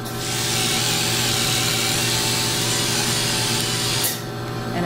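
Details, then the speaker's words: Steady whirring hiss of a low-speed dental polisher with prophy paste running for about four seconds, then stopping, during a COHAT in an anesthetized patient with gingivitis; low-speed handpiece polishing. "so when you're polishing you may find you have to change the direction that you're actually using the polisher to get a better angle on the teeth"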